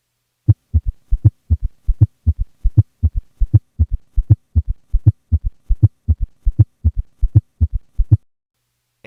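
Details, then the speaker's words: Patient with both S3 and S4 at about 80 beats a minute: low-pitched heart sounds with extra soft diastolic beats forming a four-sound quadruple gallop rhythm. "here is a patient with both an S3 and an S4 at a heart rate of 60 beats per minute with a recording made during expiration and thus without an S2 split"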